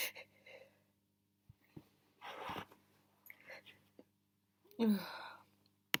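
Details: Person deliberately muffling sneezes on request: quiet breathy build-ups followed by a stifled, muffled sneeze burst in a quiet room; sneezing.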